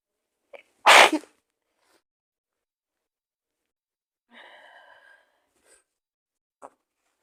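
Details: Acted sneeze in a sick-girlfriend cold roleplay, in bed, claiming fever: a quick in-breath, one loud sharp sneeze, then a soft voiced sound.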